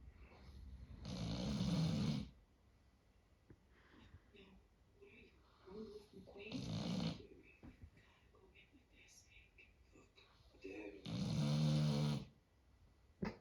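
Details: Snoring in a sleeping Doberman: three loud, rough, rattling snores at a slow, uneven pace with quiet breathing between.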